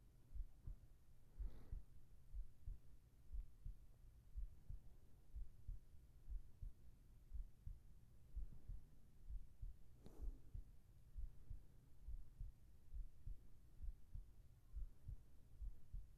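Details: ASMR heart sounds for sleeping, recorded with a whispered voice: soft, steady low thumps at about 64 beats a minute with faint rustling, a regular normal heartbeat at a calm resting rate.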